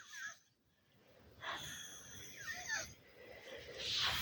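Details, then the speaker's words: Woman paralysed after a stroke, supported on a pillow, during passive shoulder range-of-motion exercises: irregular noisy, rasping, wheezy, strained breaths worsened by arm pain, said to be temporary; laboured noisy breathing. "You can probably hear her breathing. It's actually the pain she gets from the arm that brings on worse breathing."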